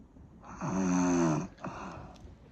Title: Snoring sound